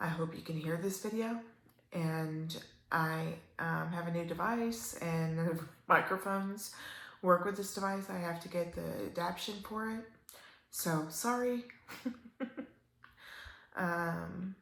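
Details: Adult woman with upper motor neuron onset ALS, almost 3 years in, a slow progressor with worsening spasticity; dysarthria in ALS (upper motor neuron onset).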